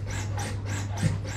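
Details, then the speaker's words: Rhythmic rasping mechanical strokes, about four in just over a second, over a low hum: a LUCAS 3 automated chest compression device in continuous mode, after automatically measuring chest depth; training-room demonstration. "you can see it then automatically measures the depth of the chest that it needs to go to and then he'll just carry on as long as we need it too"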